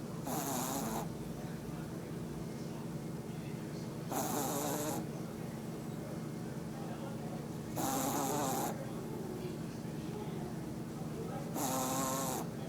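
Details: Four loud, rattling snores about every 3.7 seconds (roughly 16 breaths a minute) over a steady low hum, recorded during a short nap; snoring.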